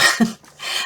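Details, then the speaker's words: Siamese cat with allergies sneezing in the background: two quick hissing bursts, a sharp sneeze then a softer second. "Siamese cat's got allergies. You'll hear him sneezing in the background."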